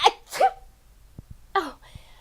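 Two quick sneeze bursts, then a short vocal sound; acted sneezing in a children's puppet show.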